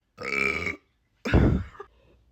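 Two loud, voiced, rumbling belches in quick succession; ordinary burping.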